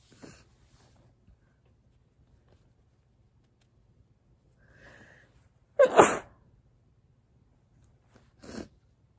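A faint sneeze at the start, then a loud sneeze and a smaller second one in a quiet room: ordinary sneezes.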